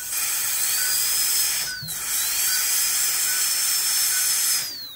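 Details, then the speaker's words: 14-year-old Jack Russell dog with cheek abscess from a diseased carnassial tooth, under dental anaesthetic: steady high-pitched dental drill whine, rising and falling, smoothing the socket after extraction so it can be closed. "i'm doing now is i'm smoothing out the the socket so it's nice and smooth so i can close the jet"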